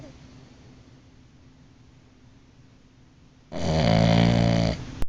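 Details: Quiet room, then one loud, buzzing snore lasting just over a second during sleep; snoring.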